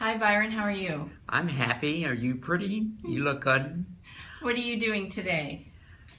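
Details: Adult woman speaking; normal fluent speech.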